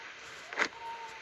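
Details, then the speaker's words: A brief gritty scraping burst of teeth grinding from a sleeping child: sleep-related bruxism. "so in that video uh what you were watching was sleep related buxus in a child and uh what you could see uh very well is that there was some teeth grinding and especially you could hear it"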